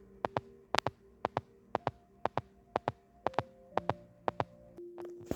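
Simulated paired heart sounds at about 120 beats a minute over monitor tones: a fast heart rate, tachycardia.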